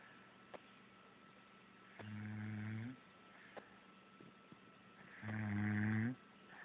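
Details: Two low, buzzing snores about three seconds apart, separated by quiet breathing in a quiet room: snoring.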